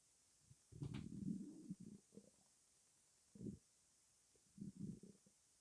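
Low gurgling rumbles in several irregular bursts over a few seconds, typical ordinary stomach rumbling from gas and fluid moving through the gut.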